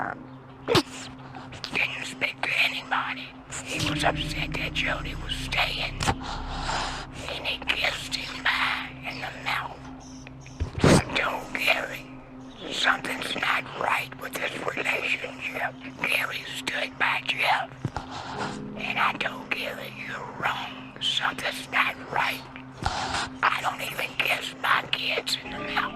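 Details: Adult man speaking through a tracheostomy tube in a documentary interview; the narrator warns listeners may have to listen closely; tracheostomy speech.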